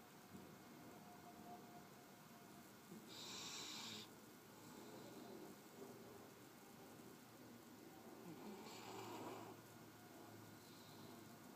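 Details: A sleeping puppy snoring lightly: soft, noisy breaths, about two heard over a steady room hiss.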